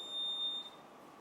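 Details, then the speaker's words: Mechanical ventilator power-on beep: steady high electronic beep about half a second over faint room noise as the ICU ventilator is switched on with the rear power button during a training demonstration. "راح نبدي نشغل الجهاز. اكو باور لي ورا دوسه يبدي"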